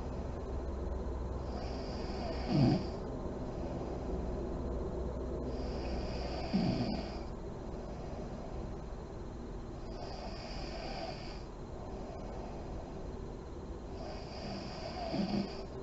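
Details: Sleeping mother in deep REM sleep, lights on: slow, deep snoring breaths about every four seconds with soft fluttering on each breath and steady room hiss.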